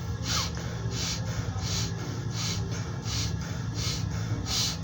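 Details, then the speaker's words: Rapid, regular breathing about 40 breaths a minute, demonstrating tachypnea: respiratory rate above 22 per minute, as seen with fever, exercise or stress; chest semiology teaching demonstration. "aquí es cuando la frecuencia respiratoria por el contrario están aumentadas o están sobre 22 respiraciones por minuto suele presentarse cuando hay fiebre cuando estamos haciendo ejercicio como también cuando tenemos estrés y se escucha más o menos así"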